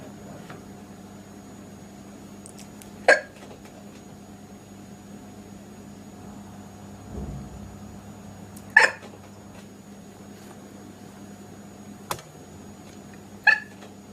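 Three sharp, brief hiccup sounds about every five seconds over a low steady room hum; ordinary hiccups.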